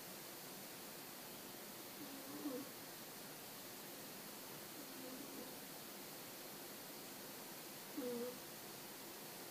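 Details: Sleeping Scottish Fold cat snoring: soft, squeaky little snores about every three seconds, roughly 20 breaths a minute, over steady background hiss.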